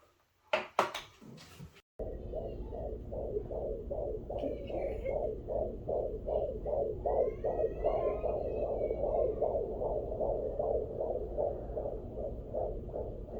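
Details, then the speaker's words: Rapid, regular whooshing fetal heartbeat on a home Peanut Doppler at 21 weeks of pregnancy, about 145 beats a minute, within the normal range; mother had felt little fetal movement. "and so i'll let you listen to my baby's heartbeat and um then i'll say bye"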